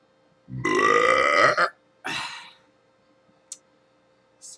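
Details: Morning burping: a loud, drawn-out belch of about a second, then a second, shorter burp in a quiet room.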